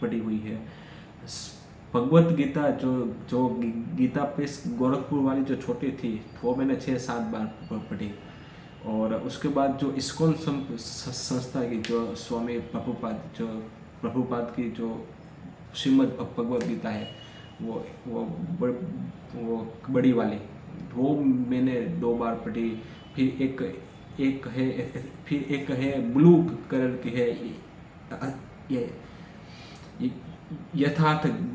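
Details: Adult male who stammers, recording Day 5 of a daily speech practice routine for stammering, speaking freely in continuous-speech practice; stuttering.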